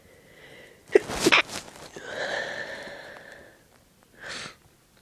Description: So, the clothes tag method is definitely my favourite so far. These were just so strong and wet.